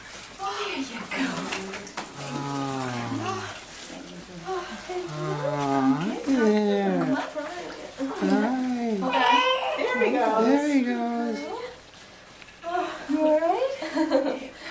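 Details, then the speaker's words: Repeated wavering cries from a baby boy just after birth, cord still uncut, with adult voices and room noise; a normal vigorous newborn cry. "yeah that's a good baby we like crying now"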